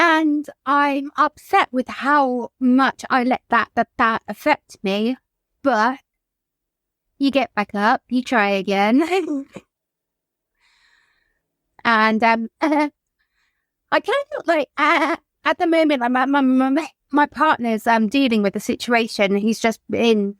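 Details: Adult woman whose childhood stammer recurred, brought on by lockdown and the trauma of her mother's death by suicide; she describes blocking; stuttering.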